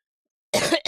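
A single short throat-clearing cough from an adult, followed by the start of a second burst.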